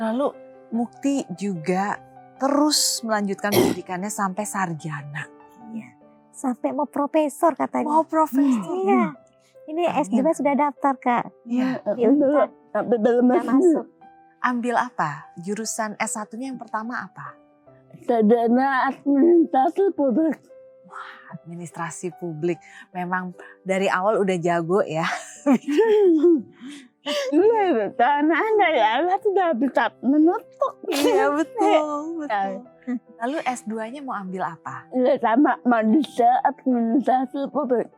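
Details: Dysarthria in a young woman with cerebral palsy from birth, with speech difficulty and delayed walking (beyond age two) since childhood.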